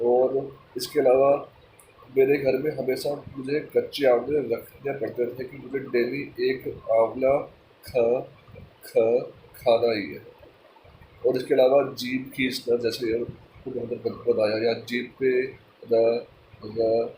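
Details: Adult male speaking Hindi; stammering.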